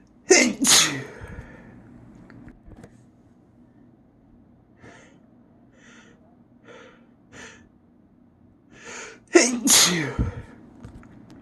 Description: These sneezes were SO BIG and so satisfying.